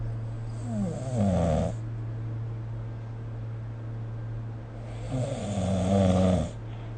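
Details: Adult snoring during sleep, recorded with the SnoreLab phone app: two loud, rough snores on the in-breath about 4 seconds apart over a steady low hum.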